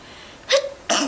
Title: Cute Japaneze girls sneezing くしゃみ29